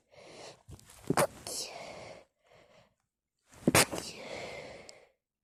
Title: Sneeze attack on a tissue